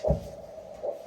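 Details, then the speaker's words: Handheld Doppler on a limb artery during tourniquet testing by a paramedic: two rhythmic whooshing pulses, a biphasic beat that sounds like a heartbeat; biphasic arterial Doppler signal showing blood flow. "All right, so we've got some flow there. You can hear the biphasic beat. Sounds like a heartbeat."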